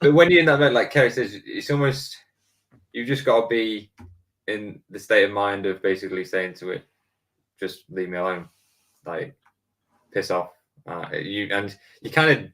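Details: Adult man speaking; Normal conversational speech.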